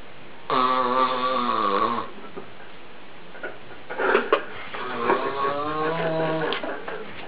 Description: Wow...he sure can snore